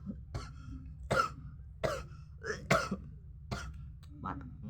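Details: A person apologizes for repeated coughing while recording. Several short, dry coughs and throat clears are heard in a quiet room: a repeated irritative cough.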